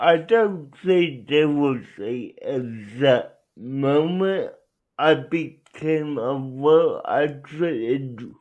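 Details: Adult man with cerebral palsy who uses a wheelchair; dysarthric speech in cerebral palsy.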